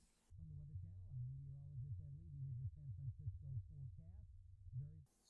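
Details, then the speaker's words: Simulation of how normal speech sounds to a 16-month-old girl's left ear without her hearing aid: unilateral moderate-to-severe congenital loss, hearing from 65 dB, with highs needing more. Muffled, quiet speech with only low tones audible. "This means that without her hearing aid, She can detect the sound of a vacuum cleaner or hair dryer, but normal talking sounds like this: [inaudible]"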